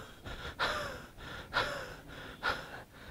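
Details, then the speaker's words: An imitated wheezy cough, demonstrated as a cough that precedes asthma. "the cuff that is preceding the asthma in case of cassia sophera so that's also very interesting"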